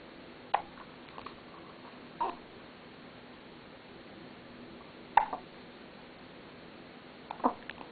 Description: 7-days old, hiccups